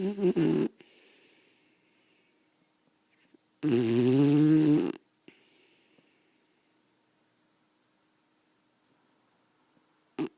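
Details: A sleeping beagle snoring downstairs, loud enough to wake the owner behind a closed bedroom door; loud buzzing snores, one long rumbling breath between quiet pauses.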